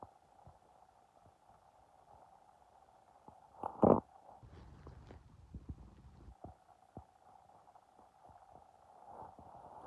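A loud gurgle followed by low, bubbling rumbles from the belly amid quiet hum; ordinary hunger growling.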